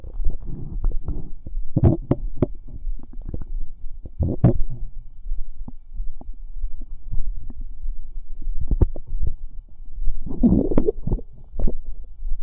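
Bubbling, squelching gurgles and low rumbles come in irregular bursts over a faint background hum: ordinary bowel sounds.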